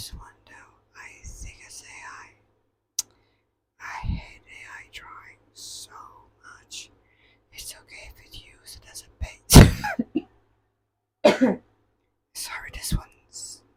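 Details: Adult cough during quiet whispered ASMR reading: a sudden sharp cough burst, then a softer second burst shortly after.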